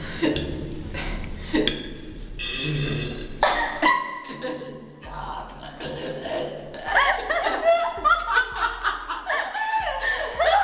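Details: A girl gives deep, drawn-out belches mixed with talking and laughter: burping.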